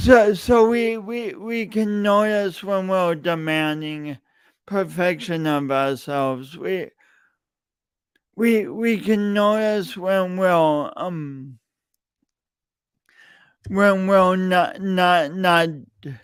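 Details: Stuttering in an adult male podcast host whose speech impediment began in junior high and high school and persists; he denied it for years.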